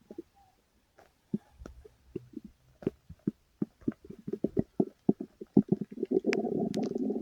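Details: Irregular gurgling and bubbling bursts build into a sustained rumble, recorded while the stomach was still growling: ordinary stomach growling (borborygmi).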